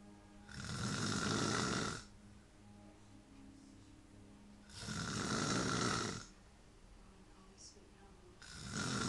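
Loud rasping snores on breathing in, about 15 a minute, with quiet pauses between; low tonal background hum or music.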